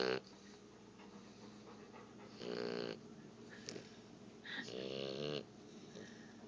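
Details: Ruby, a sleeping dog filmed in poor lighting, gives two buzzing nasal snores in about six seconds; snoring.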